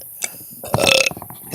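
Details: Single loud, croaking belch lasting about half a second, recorded at about 3:19 am, with faint room noise around it.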